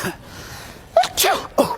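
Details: A sneezing prank on people in public, where the sneezer says he just got a flu disease: a short burst of sharp, explosive sneeze-like sounds in quick succession.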